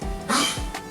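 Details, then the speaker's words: Older dog with congestive heart failure, described as near the end of life, gives a single short, harsh hacking cough heard over kitchen noise: cough due to congestive heart failure. "pardon the noise i have an older dog who is on his way out i guess you could say so he uh he has congestive heart failure and so he goes into coughing bit"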